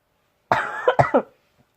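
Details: Person very ill for several days coughing: a loud, harsh cough followed by two quick coughs in a quiet room.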